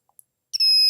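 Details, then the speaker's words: Sequal Eclipse 5 portable oxygen concentrator, power button held two to three seconds: a single high-pitched electronic beep confirming power-on. "once you hear the beep release it and you're ready to go"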